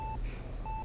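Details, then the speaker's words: Two short, even electronic beeps over low room hum: ECG heart monitor beeping in a simulated operating room within a virtual reality surgery simulator. "you one asked you to look around the room you near the EKG or ECG beeping breathing apparatus"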